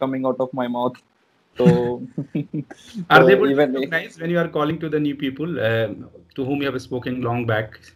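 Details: Adult male speaker; typical adult male voice.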